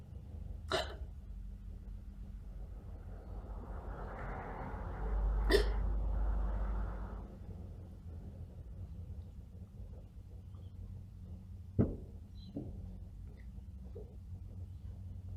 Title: Probably Fake Hiccups